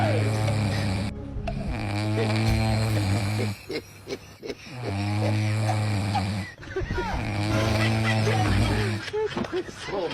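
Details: Heavy snoring from a sleeping person, followed by snorts and laughter from others nearby.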